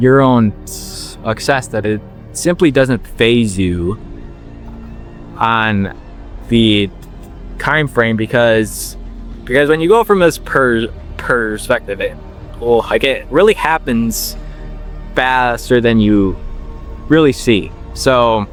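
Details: 21-year-old man with stuttering since he began talking, worked on for years and reportedly helped by slowing down; word and part-word repetitions still present; stuttering.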